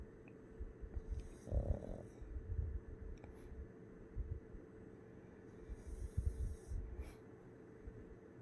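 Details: Pug napping, possibly dreaming, snoring in a flat-faced dog: low, irregular snorting and rumbling breaths with brief louder snorts.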